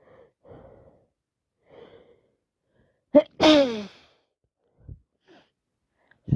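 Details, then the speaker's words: Sneezing from a cold plus hay fever, allergy medication run out, after a park visit, nose and eyes running: soft sniffs and a quick in-breath, then a loud sneeze and faint sniffles. "now it's cold plus allergies. I'm sneezing even more."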